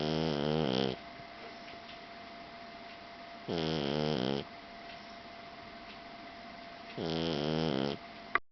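Three loud, buzzing snores about 3.5 seconds apart, roughly 17 breaths a minute, each on the in-breath, with a steady faint room hum.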